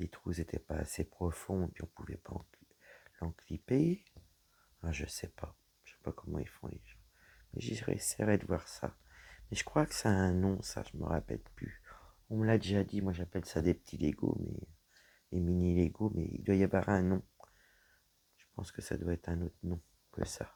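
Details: Woman whose vocal cords were damaged by a serious health problem; her voice is deeper than before, at times she has little voice, and she cannot speak loudly; low-pitched, creaky voice; dysphonia.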